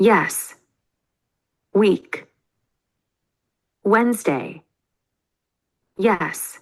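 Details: Aphasia after a stroke in a male support-group member who reports difficulty expressing himself and slower speech since the stroke; hesitations and repetitions heard.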